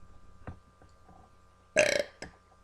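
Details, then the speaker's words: Burping contest between siblings: a loud, drawn-out burp after a few faint sounds, followed by a short second burp. "Ah, it's sloppy. Ew, it's so disgusting. Thank you. Oh, that was beautiful."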